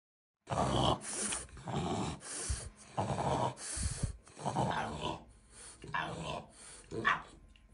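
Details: Stertor: rough, low-pitched snoring-like breathing in rapid cycles during both inspiration and expiration, sometimes gurgling, from partial obstruction of the upper airway such as the nasopharynx or oropharynx; distinct from high-pitched laryngeal stridor.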